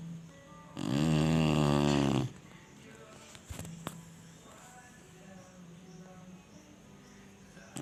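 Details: Snoring from a sleeping Chinese Shar-Pei dog: a single loud, rattling, fluttering snore, followed by quiet breathing with faint background sound.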